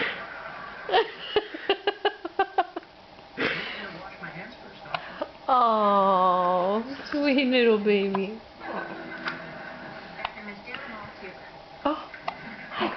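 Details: Hiccups in a seven-day-old baby boy: a series of short, sharp catches at an uneven pace, with a brief infant whimper and adult talk in the background.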